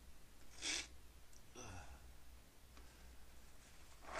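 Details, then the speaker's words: Repeated sneezing the person tried to stifle without success: two short bursts, the first sharp and the second partly muffled, over low room hum. "Oh man, I can't stop. Sneeze."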